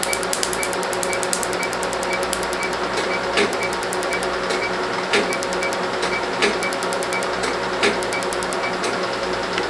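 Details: Rapid trains of sharp snapping laser pulses with steady machine hum and occasional louder pops: first tattoo removal session on a 4-month-old mainly black star tattoo on an African-American arm; patient rates pain about 2/10.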